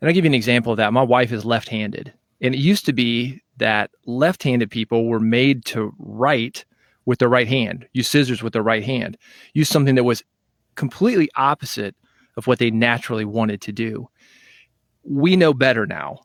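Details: Adult man speaking; normal speech.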